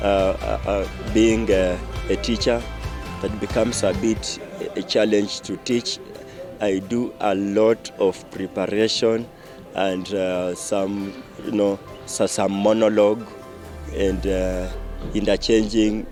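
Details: Teacher who stammers; reports stammering affects teaching and phone calls and worsens during the cold season; stammering.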